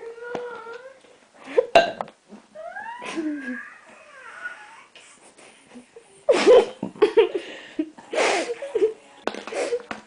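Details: Adult woman with repeated hiccups: abrupt, jerky gulping bursts with squeaky voiced sounds and laughter-like breaths between them.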